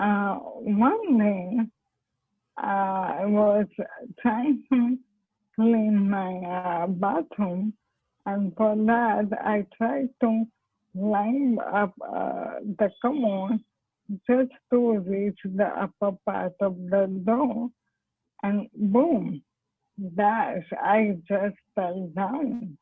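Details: Dysarthria in amyotrophic lateral sclerosis in an adult woman doctor diagnosed around 2005; her speech had become incomprehensible before stem cell therapy and is now comprehensible.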